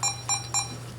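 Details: DF 12M infusion pump: three short, sharp electronic beeps as keypad buttons are pressed while setting flow rate and total volume; normal key-press feedback tones.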